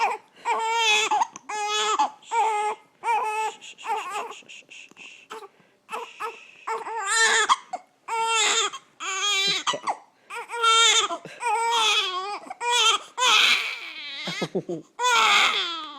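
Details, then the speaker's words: Sustained rhythmic crying in repeated wails with brief breaths between them, from a baby girl who seems tired of her hiccups; an ordinary infant cry. "I think she's tired of her hiccups. Papa's favorite cry."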